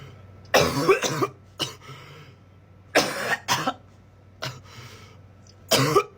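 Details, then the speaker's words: Cough from a person singing Santeria by Sublime right after vaping (ripping a blinker), with sighs before the cough. "Ripping a blinker and then immediately trying to sing Santa Ria by Sublime without coughing."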